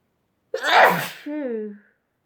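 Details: Sneeze fit: a single loud, forceful sneeze with a sharp burst of air, followed by a short voiced tail, amid repeated "achoo"s; sneeze.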